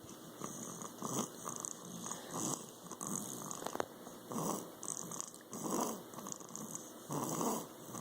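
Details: Snoring with a stuffy nose: repeated soft, snuffly, hissing breaths about every one to one and a half seconds, noisy nasal breathing from a blocked nose.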